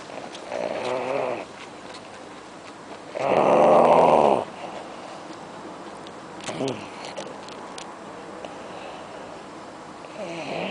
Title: Snoring Irish dog